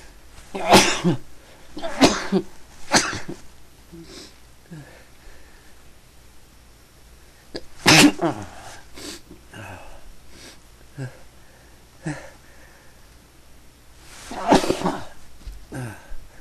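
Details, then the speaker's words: Adult sneezing all day, suspects an allergy to something unknown: a run of about five repeated forceful sneezes with sniffing and breathing between them. "Sneezing all day. Can't stop. Oh, I must be allergic to something."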